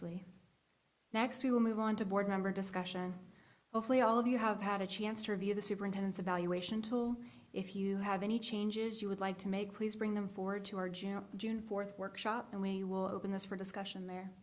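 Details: Adult woman speaking; Normal voice.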